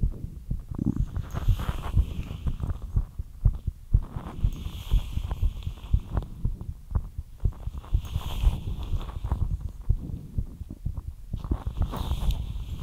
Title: ASMR FAST HEARTBEAT LIGHT EXERCISE